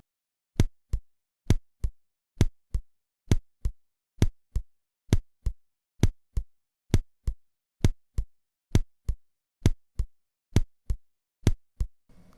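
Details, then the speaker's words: Simulated auscultation of a regular rhythm at 65–70 per minute, which could be sinus, accelerated junctional or idioventricular rhythm, indistinguishable by ear: steady lub-dub pairs at about 66 per minute. "Давайте ещё раз послушаем этот фрагмент с ритмичной работой сердца с частотой 65-70 в минуту"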